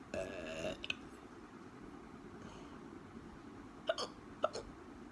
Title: Hiccups again